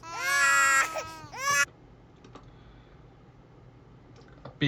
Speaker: crying doesn't actually bother me I can deal with that what an actual baby crying is just a natural thing they can't help that